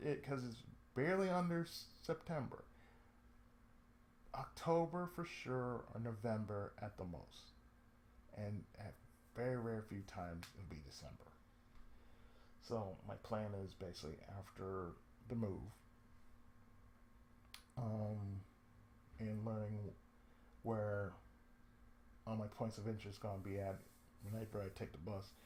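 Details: Adult man with cerebral palsy, a daily lifelong condition with speech problems since childhood; reports an occasional lisp, mid-sentence breaks and pauses, and a drawl; speech affected by cerebral palsy.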